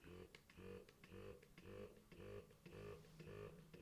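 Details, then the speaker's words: Medela Freestyle Flex electric breast pump switched on, vibrating a lot: loud rhythmic mechanical whirring cycles, about two a second, in a small room. "this is loud i wonder if it's on the max section okay so there's the level one section this pump is vibrating like a lot"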